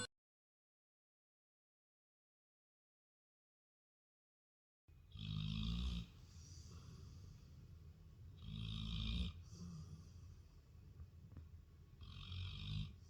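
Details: Low, rumbling snores from a sleeping Labrador on a couch, each followed by a softer breath out, about three snores in eight seconds; snoring.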